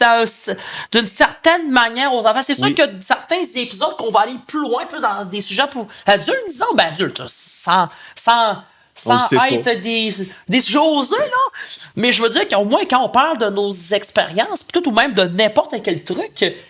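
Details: Adult male French-speaking podcast co-host who stutters and says he works to fight and control his stuttering; stuttering.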